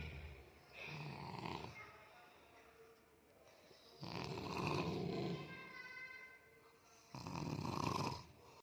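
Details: Snoring during sleep: three rough, rattling snores on the in-breaths, about three seconds apart, with quiet exhales between.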